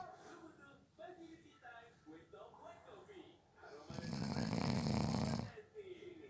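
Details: Person napping who fell asleep within 30 seconds: a loud, rough snore of about 1.5 seconds rising out of quieter breathing and room noise; snoring.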